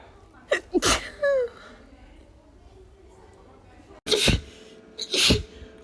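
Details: Woman with tickly allergy sneezes, edited loop: several sharp sneeze bursts, some preceded by a drawn-in breath; repeated allergic sneezing.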